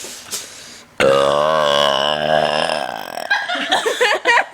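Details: Female burping: one long, loud, voiced belch of about two seconds, followed by brief laughter.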